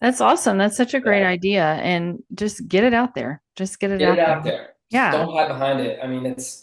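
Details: Adult woman speaking; ordinary speech.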